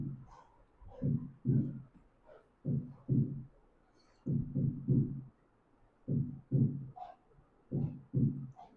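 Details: Normal first and second heart sounds played in a cardiology teaching seminar, toward the apex and aortic areas: paired lub-dub beats, slow at about 40 a minute, with clear quiet gaps and no added sounds.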